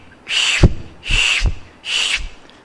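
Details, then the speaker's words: Vocal imitation of an umbilical artery Doppler signal: separate whooshing pulses with silent gaps and no continuous flow, as end-diastolic flow reduces to zero; absent end-diastolic flow. "get you hear this continuous flow and when the end diastolic flow reduces to zero you're here"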